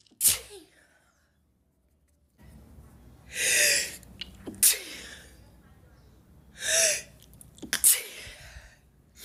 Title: Espirros satisfatórios #humor #sneeze #funny